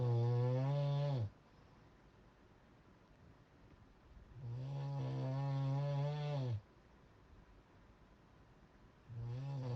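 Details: Loud, deep, rattling snores on each in-breath, about two seconds long, with quiet pauses between; heavy snoring.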